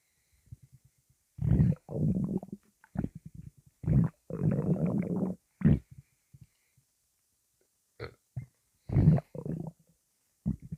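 Loud, low gurgling and growling rumbles in irregular bursts with pauses between them: ordinary stomach rumbling (borborygmi).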